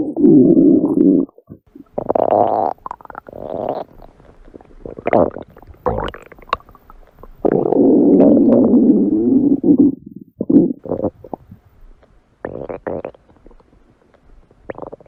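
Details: A woman's stomach growling (borborygmi): long, loud gurgling and rumbling bursts with shorter pops between them.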